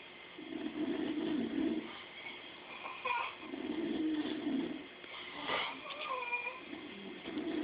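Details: Repeated soft, rasping breaths, about three slow cycles, with overlapping snores from two sleeping animals snoring at the same time; snoring.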